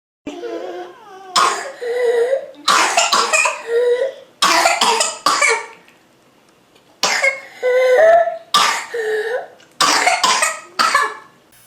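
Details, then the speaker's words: Child with whooping cough (pertussis): runs of rapid, harsh, severe unrelenting coughs with high, squeaky whooping indrawn breaths between spells. "You can hear the distinct whoop sound when inhaling. This type of cough is often very severe and unrelenting to the point where you may throw up or turn red or blue."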